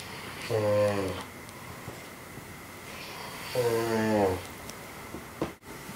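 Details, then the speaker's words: Friend snoring at 6:45 am, keeping the recorder awake: two loud, rumbling snores about three seconds apart, each with a buzzing, fluttering tone on the in-breath, quiet room between; snoring. "I'm awake because of some serious snoring going on. I'm not going to say who this is."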